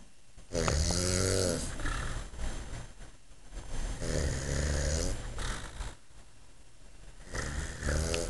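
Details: Loud, low, rattling snores on each in-breath, about three every eight seconds, with quieter out-breaths between; snoring.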